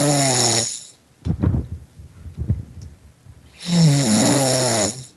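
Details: Person asleep during a Skype call snoring heavily over the microphone: loud, rough, buzzing snores with quiet gaps of soft snorts between them.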